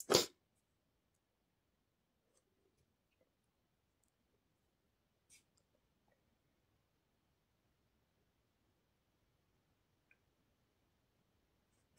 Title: male sneezing #42 (I caught a cold and sneeze too much🤧)